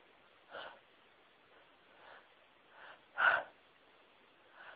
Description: Sneezes that drove me mad, teasing me. They would build up for what seemed like ages and I'd just need to sneeze so badly.